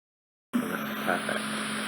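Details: Ear wax microsuction: skin gets trapped in the suction probe and vibrates before releasing, giving a loud clarinet-like noise. After silence, a steady hiss with a held reedy tone starts abruptly.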